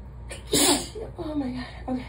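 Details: Sneeze in the shower: a single sharp, explosive sneeze with a brief vocal sound after it, in a slightly echoing room.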